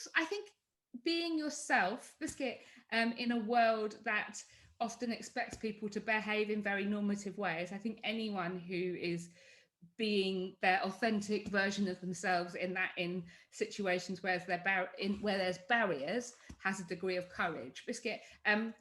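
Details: Adult woman with Tourette syndrome whose involuntary vocal tic words interrupt her speech; vocal tics (Tourette syndrome).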